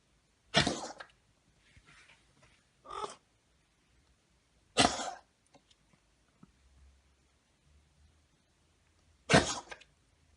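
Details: Cat coughing, example from a feline-medicine veterinarian: three sharp, harsh, explosive coughs spaced several seconds apart, with softer hacking between.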